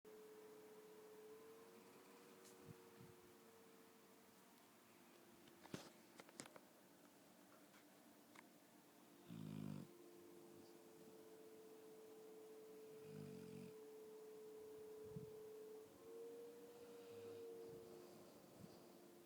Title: My dog snoring